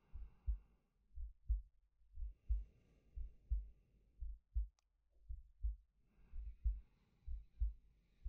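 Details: Male ASMR sleep-aid recording: a steady low heartbeat at about 60 beats a minute, with slow breaths in and out between the beats.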